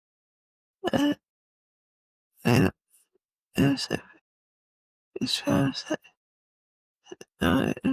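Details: Adult woman with multiple system atrophy, cerebellar type (MSA-C): severe slurred dysarthria (multiple system atrophy, cerebellar type).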